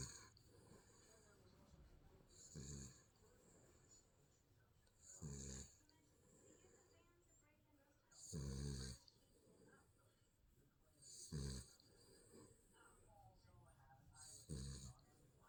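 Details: Sleeping baby snoring: soft, low rattling snores with each breath, about 21 a minute, in a quiet room.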